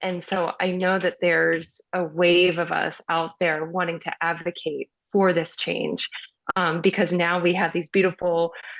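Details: Stuttering in an adult woman, a speech pathologist who was taught to stutter covertly and reports feeling very nervous while talking.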